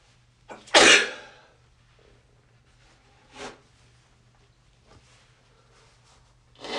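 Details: Congested person just after waking, in a bathroom: one sharp, explosive, hissing sneeze followed by softer nasal blowing sounds.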